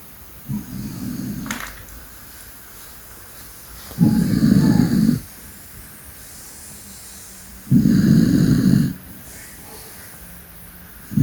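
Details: Loud snoring from a senior dog asleep.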